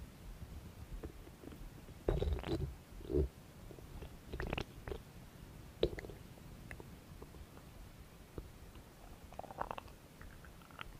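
Soft gurgles and low rumbles over a quiet hiss: stomach growling, ordinary bowel sounds.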